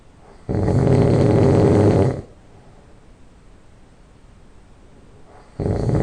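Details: Person who just fell asleep, loud nasal snoring: one long, loud, low rumbling snore on an in-breath, a quiet pause, then the next snore starting.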